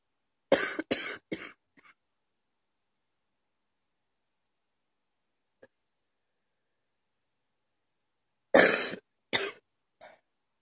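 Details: Person woken at 2 a.m. by a night-time coughing fit: two bouts of three quick, forceful coughs about eight seconds apart in a quiet room.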